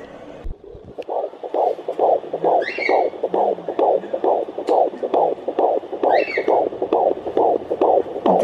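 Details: Rapid, regular whooshing pulses about 133 a minute with occasional movement scrapes: normal fetal heartbeat at 16 weeks of pregnancy on a home Doppler low on the mother's abdomen, baby moving.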